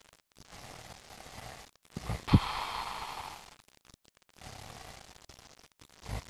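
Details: Female dog sleeping: slow, noisy breaths with a brief snort in a quiet room; loud snoring during sleep.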